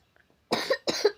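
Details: Two quick harsh coughs from a child; the cough is blamed on eating ice treats, drinks and candy.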